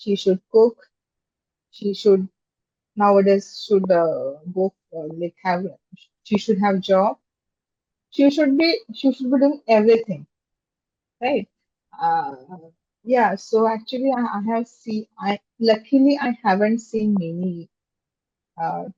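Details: Stammering (stuttering) in an adult woman, a software engineer, who became aware of her stammer in seventh standard, speaking in an interview.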